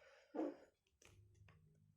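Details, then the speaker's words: Respiratory snoring (rales) in a chicken with a viral respiratory infection: a brief harsh snort, then a low, buzzing, rattly breath noise. "Nah itu suara ngoroknya itu ya"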